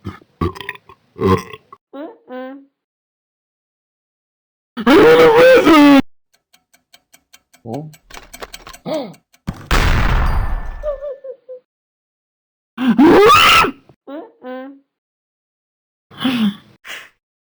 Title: Santa burps #2